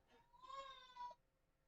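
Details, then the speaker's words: A baby crying in the background during a podcast recording: a brief, thin, high-pitched wail; infant crying. "Um, oh, sorry. Can you hear my baby crying in the background? I can. That's it's a family podcast."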